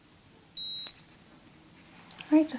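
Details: Simulated medical role-play head-injury check: a single short, high electronic beep from a digital oral thermometer in a quiet room; temperature reads 97.8, within normal range.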